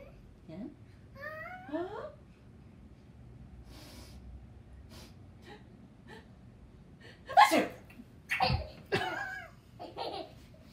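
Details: Grandma makes sharp, loud sneezing bursts among an amused baby's squeals and giggles: sneezing.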